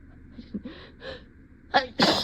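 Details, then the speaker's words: Staged, induced sneeze: a few breathy build-up sounds, then one sharp explosive sneeze as an adult pretending to deny a cat allergy holds a new cat in the lap; a simulated scenario. "oh no no I'm not going to sneeze I'm not I'm not going to sneeze oh"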